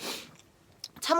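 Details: Adult female singer sneezing during a live stream: a single short, sharp sneeze with a breathy burst and a brief voiced tail; an ordinary sneeze.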